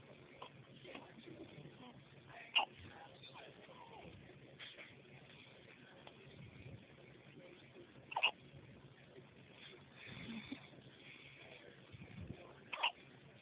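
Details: Gauge with hiccups: three brief, sharp hiccup sounds about five seconds apart over faint background noise; hiccups.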